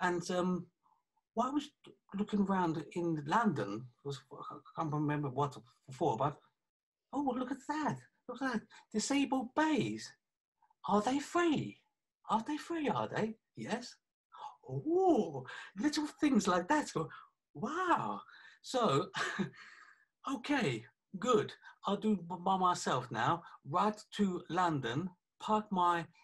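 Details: 48-year-old man with aphasia affecting communication after a stroke about three years earlier (January 2017), with right-sided weakness of hand and leg; aphasia after stroke.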